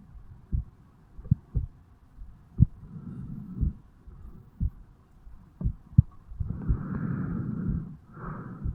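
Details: Own heartbeat of a 35-year-old man recorded at the mitral (bicuspid) valve area on waking in the morning: soft paired low thumps at about 60–70 a minute, partly masked by breathing and rubbing noise; heart sounds.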